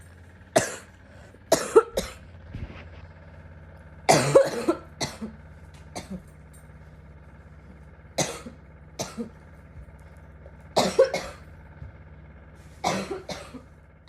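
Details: Girl with bronchitis coughs in short bouts of two or three harsh coughs; bronchitis cough.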